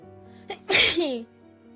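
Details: First-time sneeze induced by pushing a rolled tissue deep into the nose: a brief intake of breath, then one loud explosive sneeze, with music in the background.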